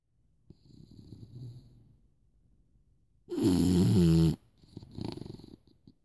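Soft, rumbling breaths, then one loud, harsh snore and another rougher breath. Snoring during sleep.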